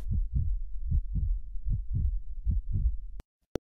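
Rapid, regular muffled low thumps at about 150 a minute: a fetal heartbeat heard through the womb.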